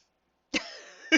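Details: A short, sharp cough from an adult who is still a little sick with a croaky throat, trailing into a rough, croaky rasp before a second cough begins.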